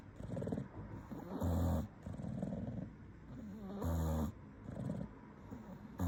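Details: Sleeping English bulldog snoring, possibly dreaming: rhythmic rumbling snores with loud vibrating inspiratory phases, about 25 breaths a minute.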